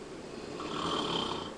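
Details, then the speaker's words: Husband snoring in an upstairs bedroom, loud enough to hear from the kitchen downstairs: a loud, rasping, fluttering snore that swells over a breath, with room noise; snoring. "I am downstairs in my kitchen I can hear my husband snoring all the way upstairs in the bedroom and he wants to know why I can't sleep at night"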